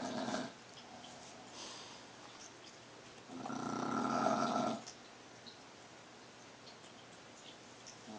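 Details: Snoring: one long, rumbling snore on a breath in, then quiet breathing with faint room noise.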